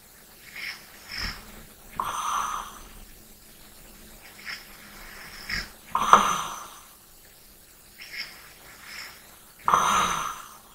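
Slow sleep breathing at about 17 breaths a minute with intermittent rough, hissing snores on some breaths; light snoring.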